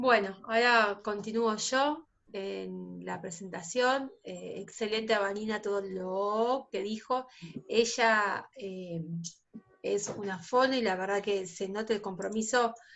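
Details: Spanish-speaking female teacher who stutters, presenting at a stuttering association workshop; she was not allowed to be a teacher when starting her career at 19 and has taught for 16 years since; stuttering.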